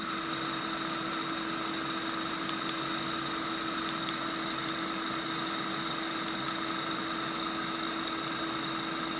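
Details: Picosecond tattoo-removal laser (Discovery PICO) used with a DESCRIBE PFD patch during treatment: steady machine hum with constant whine, broken by sharp rapid snapping clicks as the laser fires.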